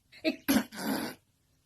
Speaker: different types of sneezes normal people to the nostril sneeze